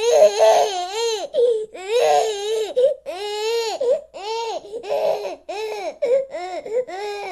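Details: Young child crying continuously: loud rising and falling wails with brief catch breaths between them; ordinary crying.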